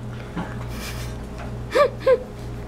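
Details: Child hiccups: two short, sudden voiced catches close together over steady room hum; brief gasping hiccups.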